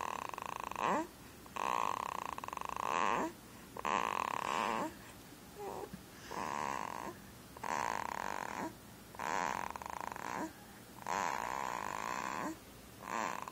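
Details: Jameson snoring: loud, regular rattling snores on each inspiration with quiet pauses, about 13 breaths a minute.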